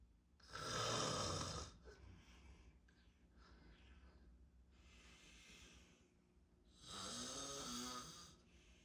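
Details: Close-up recording of a man (the recorder's dad) snoring in sleep: loud, rough inhalation snores with a rattling, fluttering quality, separated by quieter breaths.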